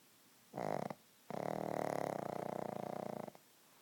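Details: Pug snoring while asleep: two rattling, fluttering noisy breaths, one short and one long.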